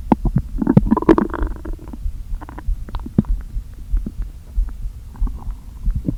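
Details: Stomach recorded after not eating all day, deliberately inflated with air, gives empty-sounding groans and air seeming to push back and forth: bowel sounds (borborygmi).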